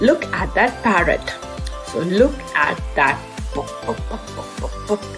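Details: Acted demonstration by a speech-language pathologist of a voluntary stutter with lip tension on a word, which she notices, reduces and eases out of: the pull-out stuttering modification technique, voluntary stutter with pull-out.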